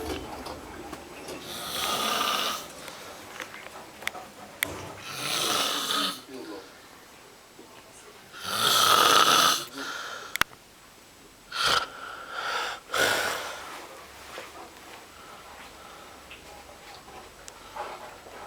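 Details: Sleeping man snoring loudly, rattling snores recurring about every three to four seconds.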